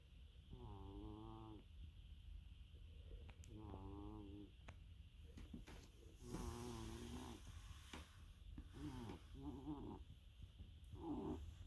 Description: this is my cat diva princess snoring loudly in my home spa from Amazon.